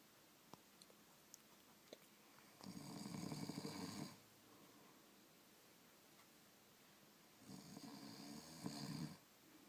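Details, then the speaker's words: A person snoring while asleep, recorded and then played back to them after waking: two long, rough, rattling inspiratory snores about six seconds apart in a small room. "你想听听自己打呼噜的声音吗？来来来，太好了，刚才录着了，听听。"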